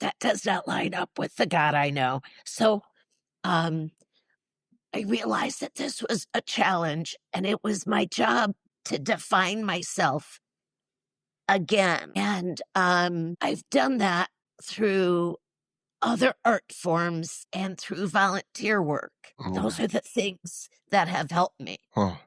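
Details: Woman in her mid-60s with neurological (basal ganglia) spasmodic dysphonia plus essential tremor, especially affecting vowels, treated with Botox injections to the vocal cords; spasmodic dysphonia.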